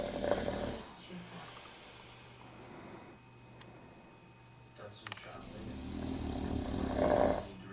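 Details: Snoring: low, rattling snores on two breaths several seconds apart, with quiet room noise between them.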